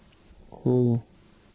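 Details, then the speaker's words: Simulated common high-frequency hearing loss in a CNA training word-recognition test: a single spoken word sounds dull and muffled, its crisp consonant sounds stripped away. "now we're going to give you an unfair hearing test you will hear a list of 10 words that will simulate a common high frequency hearing loss write them in a column"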